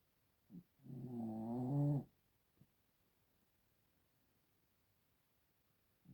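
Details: A single drawn-out, rumbling snore with a rising pitch, then quiet with faint breaths; snoring from a sleeping animal.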